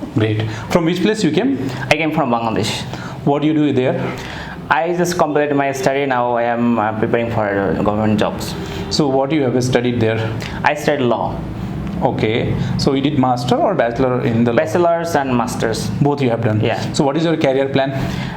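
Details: Normal adult male voice in a 27-year-old man after 5 days of voice therapy for a phonatory (glottic) gap that had caused a childish, breathy, effortful voice with voice breaks.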